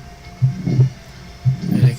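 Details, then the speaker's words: Continuous machinery murmur of patent ductus arteriosus, a congenital heart defect typically heard in infants, at heart rate about 60–80: low rumbling, near-diamond crescendo-decrescendo sound through systole and diastole without a clear gap. "Ahora los soplos continuos es durante la sístole y durante la diástole. El más representativo de todos es de la PCA o persistencia del conducto arterioso. A frecuencias cardíacas más o menos normales, entre 60 y 80, se escucha así."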